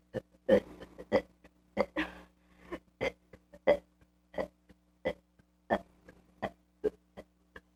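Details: Kid burping deliberately: a quick series of about twelve short, throaty burps at an uneven pace in a quiet room.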